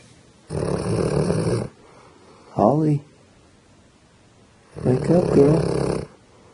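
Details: Sleeping female dog snoring, said to snore often: two loud, harsh snoring breaths with a short snort between them in a quiet room.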